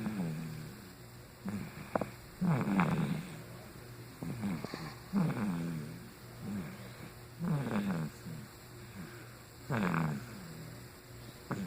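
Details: Sleeping after a long day of flying and a bottle: rough, low rattling breaths about every two to three seconds, roughly 25 a minute, with a faint steady hum underneath; snoring.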